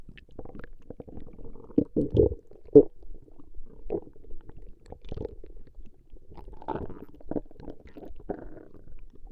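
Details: Woman's stomach growling recorded over a long session: irregular low gurgling and rumbling bursts with quiet gaps; ordinary borborygmi from gas and fluid moving through the gut.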